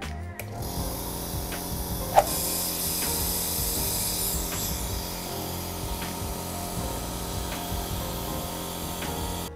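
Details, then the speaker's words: Two compressor nebulizers, OneMed 405A and Yuwell 403D, switched on together to compare aerosol output: steady mechanical rattling hum with a few light clicks; normal operating noise. "Oke ini kita langsung aja nih bandingin si laju uapnya aja kita Nyalakan kedua-duanya"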